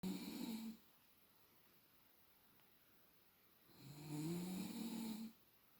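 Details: Adult woman snoring, measured with a sound level meter: two loud, rough, low-pitched snores about four seconds apart, each with a rattling buzz on the in-breath, separated by quiet.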